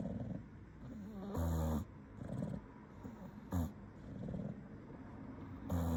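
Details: Loud, rattling snores about every two seconds with softer wheezy breathing between them from a sleeping English bulldog; typical flat-faced dog snoring.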